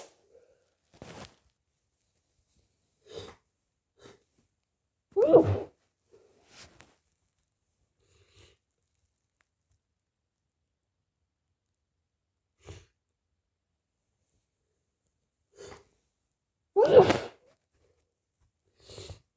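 Two forceful sneezes with several sniffs and short nose-blowing bursts in a quiet room; a sneezing fit.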